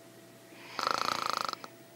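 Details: A woman snoring: a single brief, rattling, fluttering snore on one breath, with quiet room noise before and after.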